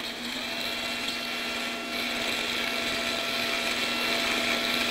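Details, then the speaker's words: Steady high-pitched whine of a surgical otologic drill with suction-irrigation (diamond burr) opening the vestibule during transmastoid labyrinthectomy, for residual vestibular function persisting after transtympanic gentamicin therapy. "I need a drill suction irrigator then. We have the drill."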